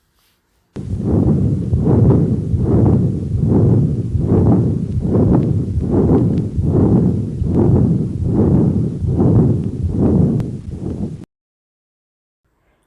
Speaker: the sound generated by increased flow in in a dilated internal mamory artery may be mistaken for a continuous cardiac murmur this is what the patent ductus arteriosis murmur sounds like